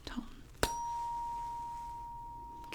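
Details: Sharp strike then a clear high ringing tone that slowly fades from a small, higher-frequency tuning fork held at the ear in a role-played ASMR hearing test.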